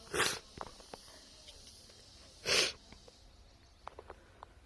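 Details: Woman sneezing at her hotel: two short, sharp sneezes a few seconds apart over quiet room noise, with faint snuffling and clicks between; sneezing.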